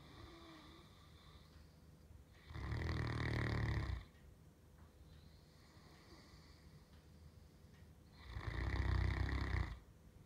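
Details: Snoring on the couch: two deep, harsh, rattling snores several seconds apart, about 10 a minute, in a quiet room during sleep.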